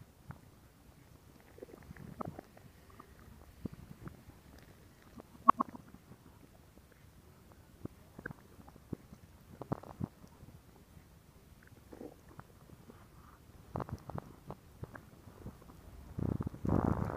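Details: Irregular gurgles, squelches and low rumbles from the abdomen, louder near the end; ordinary stomach growling (borborygmi).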